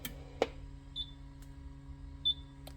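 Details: Button clicks and two short high beeps as a manual defibrillator, set in joules (up to 200), is charged and signals ready to shock; demonstration, no patient shocked.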